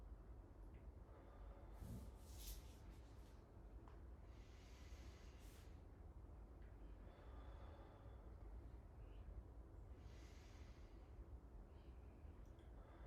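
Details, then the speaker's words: Four slow, deep breaths in and out at the mouth over room rumble from an adult patient during a student nurse's stethoscope lung assessment; lungs normal and clear, no crackles; unlaboured normal breathing. "okay great so your lung sounds are normal and clear there's no signs of any crackles or something that we would expect if you had any like fluid in your life"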